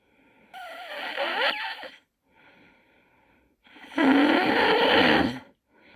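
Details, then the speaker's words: Adult snoring before CPAP (auto-PAP) treatment, in a review of CPAP use; he reports that before CPAP he had trouble waking up, never felt rested and was tired. Loud, harsh rasping inspiratory snores with quieter breaths between: heavy snoring. "양 학기 사용하기 전에는 어 자꾸 일어나도 너무 어 깨어 나지가 않아요 필요해요 피곤해요"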